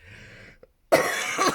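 A single loud, harsh cough bursts out after quiet room sound, fitting a lingering cough.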